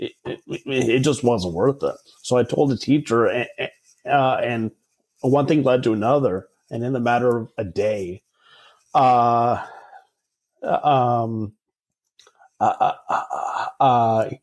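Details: Adult male who stutters, speaking in a podcast interview; filled pauses and repetitions heard (um, uh, like like); stuttering.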